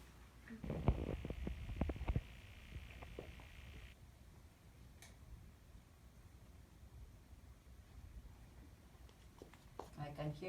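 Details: Soft, irregular gurgles and clicks through a stethoscope on the posterior chest during lung exam, then quiet; normal bowel sounds carried to the back.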